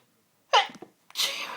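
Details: Sunday-evening sneezing fit that began within the last hour: a sharp intake of breath, then an explosive sneeze and a second burst in a quiet room; part of a repeated sneezing bout.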